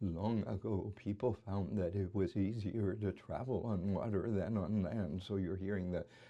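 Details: Imitated atypical adductor spasmodic dysphonia, a focal laryngeal dystonia, in the variant leading with tremor: voice dominated by tremor, with infrequent, subtle spasms.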